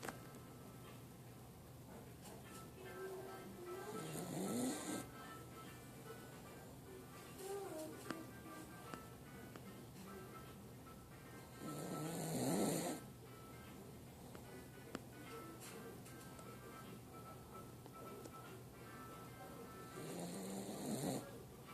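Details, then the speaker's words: Sleeping puppy snoring: slow, rough snoring breaths, about eight a minute, over background music. "Snoring, doggy. You're snoring."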